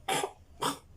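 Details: Dog coughing as an example of kennel cough, which the owner says their dogs had, treated with antibiotics and vitamins: two short, harsh honking coughs.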